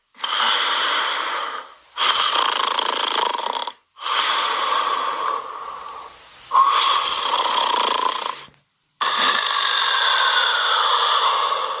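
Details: Simulated snoring: a cartoon sound effect of long hissing, rasping breaths in and out, each about two seconds, with short pauses.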